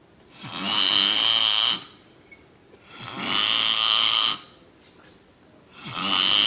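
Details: Snoring: loud, harsh rattling snores on each inward breath, about 20 a minute, with quiet pauses between.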